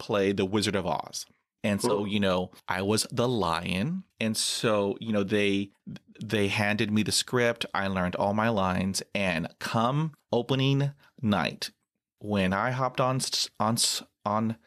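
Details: Adult male who has stuttered for 43 years, with blocks and difficulty on all letters; stuttering.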